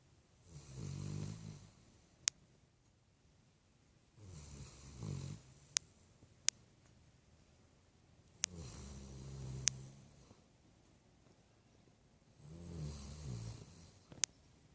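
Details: Puppy snoring quietly: soft, low fluttering snores on each breath, about 16 breaths a minute, with faint clicks.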